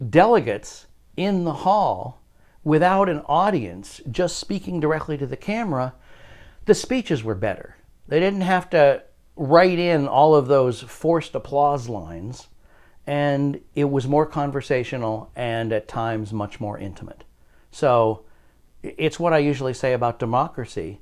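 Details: Adult man speaking; ordinary speech.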